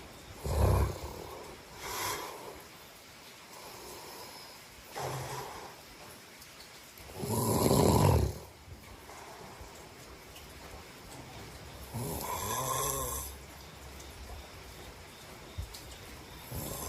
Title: Welcome to listen to my snoring to help you fall asleep👍 #snoring